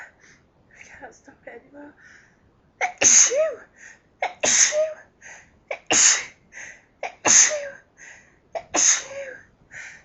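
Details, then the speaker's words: Person pinching their nose to hold back sneezes: soft sniffs and held breaths, then a fit of about five forceful sneezes in quick succession; repeated sneezing. "Hold them back. I'm pinching my nose to stop from sneezing."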